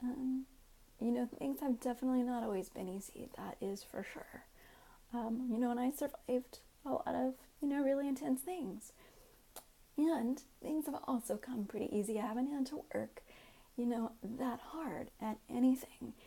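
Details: Adult woman with self-reported spasmodic dysphonia (involuntary vocal muscle contractions), not confirmed by laryngoscopy but, she says, much confirmed otherwise; she is otherwise healthy.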